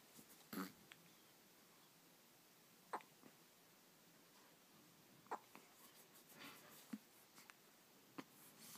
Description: He sneezes at some point